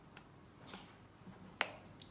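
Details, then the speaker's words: Several crisp plastic clicks as the button of an automated external defibrillator (portable AED) is pressed after plugging in, switching the device on, with faint room noise. "mm max you just need to plug in the black shows and press the button"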